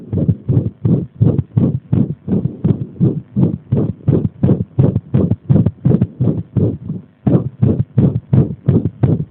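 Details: Irregular heartbeat deliberately provoked by applying pressure: fast, loud heart sounds in a mostly steady rhythm that breaks with a noticeable pause near the end; arrhythmia.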